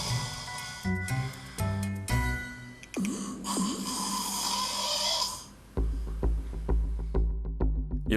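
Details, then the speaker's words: Loud, rough snoring from a sleeping man starting as soon as he falls asleep, under background music; polysomnography showed apnea-hypopnea index 51.75, severe obstructive sleep apnea. "잠들자마자 시작된 코고리"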